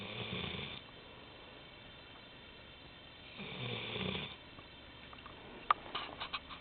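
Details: Golden Retriever dog: two slow, rumbling snores on the in-breath with quiet pauses between, then a few small snuffles; ordinary dog snoring.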